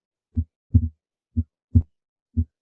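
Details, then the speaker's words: Harvey cardiopulmonary simulator, normal condition, stethoscope at the heart base: a few clear low heart thumps, no murmur, second heart sound louder than first, timed with carotid pulse; normal heart sounds. "Doug you'll notice that the second heart sound is louder as you would expect here at the base of the heart similarly uh it's still louder than the first heart sound which we can time along with our karate here"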